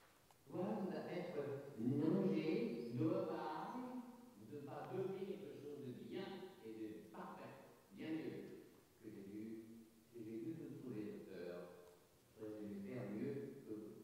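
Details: Spectacular case of fluent Wernicke's aphasia in a real male patient with anosognosia: massive phonemic paraphasias and noun substitutions, with articulation and syntax largely preserved. Finding: Wernicke's aphasia (jargon aphasia).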